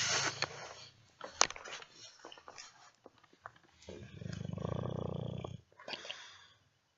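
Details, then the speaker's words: Dogue de Bordeaux (French Mastiff), a breed that snores a lot, snoring loudly while asleep: deep fluttering snores with snorts and snuffles in between. "the snores of a doggy bordeaux french mastiff something you will have to get used to"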